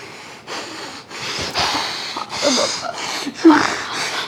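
Acted snoring: rough, rasping breath noises repeating about once a second, in a quiet room.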